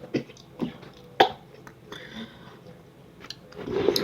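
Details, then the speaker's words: Ordinary dry cough blamed on extra salt on movie-theater popcorn: three short, sharp cough bursts in a small room, then throat clearing and faint rustling. "Sorry about that. It's because I put extra salt on my stuff."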